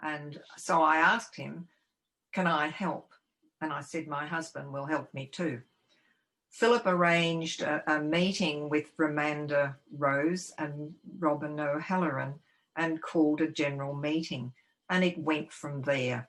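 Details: Adult living with aphasia, a committee member of a Victorian aphasia support organisation; aphasia.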